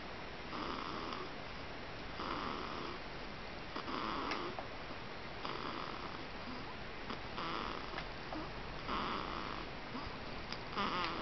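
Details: 20-day-old baby girl snoring: soft, noisy snoring sounds about every one to two seconds over steady room hiss; newborn's noisy breathing while asleep.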